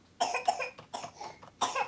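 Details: A child's run of several short coughs in a quiet room; the child has had sneezing, coughing and a sore throat since two days ago, with a big, red, swollen throat on examination; cough.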